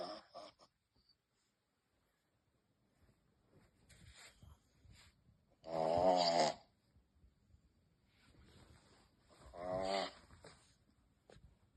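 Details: Shih Tzu puppy snoring and seemingly scared of his own snoring: two short, rattly snoring breaths about four seconds apart, with quiet breathing between.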